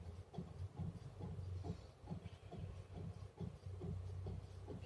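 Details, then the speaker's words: Steady low mechanical hum with rhythmic pulsing and hiss from a compressor nebulizer switched on for inhalation therapy on an adult male, who is told to breathe normally, in a medical school clinical skills lab demonstration. "sudah nyaman bisa kita Nyalakan mesinnya Ya silakan bernafas seperti biasa saja Pak"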